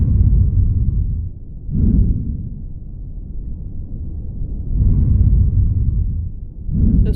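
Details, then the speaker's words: Normal vesicular breath sounds in a practice-question patient with dullness over the left lung base; this site sounds normal: soft, low rushing breaths rising and falling evenly through the stethoscope. "so far it's sounding normal"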